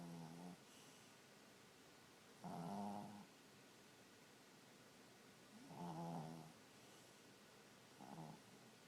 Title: Snuggles and snoring